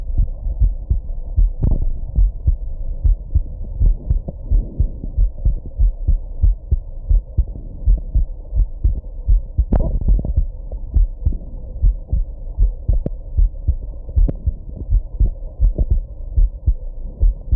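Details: Heartbeat after drinking alcohol and smoking, with hiccups: steady muffled heartbeat at roughly 90 a minute, with a few sharper jolts that are likely hiccups; heartbeat with hiccups.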